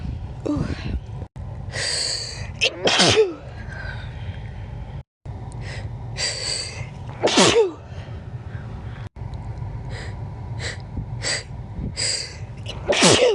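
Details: Natural sneezes: several sharp, forceful sneezes, each with a quick intake before the burst, over steady low background noise.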